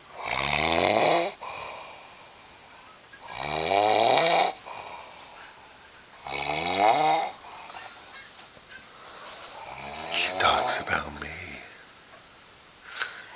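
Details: Loud rattling snores on in-breaths, about four over thirteen seconds with quiet gaps; ordinary snoring during sleep.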